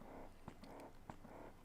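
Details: Ardo Alyssa electric breast pump running during settings adjustment, with cycle set high and vacuum low in expression mode; low rhythmic motor hum with soft pulsing and two brief clicks: breast pump motor cycling.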